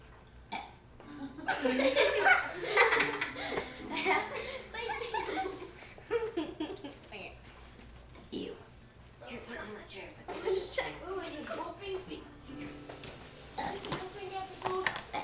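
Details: Two girls performing a home mock talent-show act, voluntarily burping while drawing the burps out into sung letters of the alphabet, with audience laughter and cheering; deliberate burping as a stunt.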